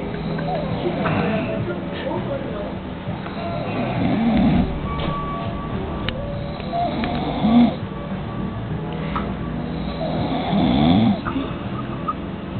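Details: Rough, rattling snores at about 19 a minute, somewhat irregular, over steady background music and room noise; snoring.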